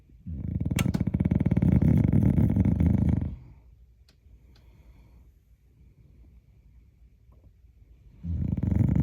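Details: Dog snoring like a hog: long, deep, loud rattling breaths separated by quiet exhalations; heavy snoring.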